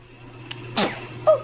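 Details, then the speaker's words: Infant sneeze: a faint intake, then one sharp, high-pitched little sneeze burst followed by a brief vocal squeak; a single baby sneeze. "Why are you crying? You sneezed right in my mouth. That was cute."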